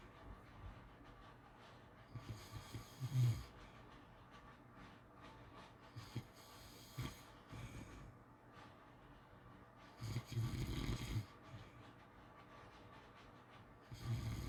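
Soft, irregular snorts and snuffling breaths, about four in fifteen seconds, under a faint room hiss. Light, uneven snoring.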